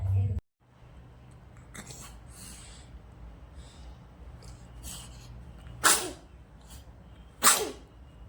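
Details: Two-month-old infant: two short, sharp sneezes about two seconds apart over quiet room noise; infant sneeze.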